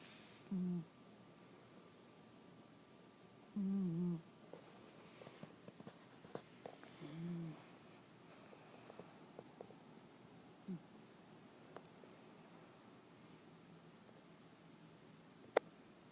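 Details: A male orange cat asleep in an odd position gives soft, low, humming snores, a few faint breaths over a quiet room.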